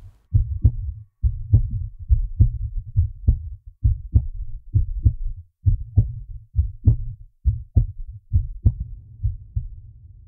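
Regular paired low thumps at about 67 a minute, an enhanced sound-effect recording of a heartbeat.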